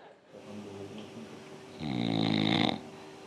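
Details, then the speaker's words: Snoring played as a sign of obstructive sleep apnea: a single loud, buzzing snore of about a second after a quieter lead-in, with room noise. "I mean, somebody's got to be sleeping with this noise every night."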